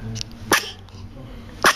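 Two short, sharp snorting sneezes about a second apart, typical of a small animal, with faint room noise.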